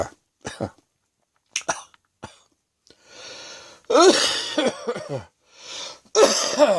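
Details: Adult's afternoon coughing with wheezing: bouts of harsh, rattly coughs with noisy breaths between, fitting a productive cough clearing mucus.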